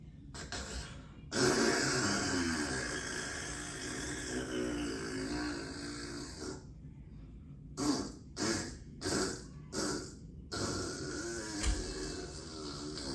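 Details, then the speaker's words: Woman deliberately imitating snoring beside her sleeping husband to get his reaction: loud rasping snore-like breaths, then short choking snorts about every half second; imitated, not real sleep snoring. "so what I'm gonna be doing I'm going to be snoring in my sleep to get my husband's reaction you know what I'm saying"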